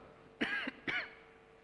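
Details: Two short, dry coughs with a throat-clearing quality from the mayor of Solo while he reads a budget explanatory note at a city council plenary session, in a quiet hall.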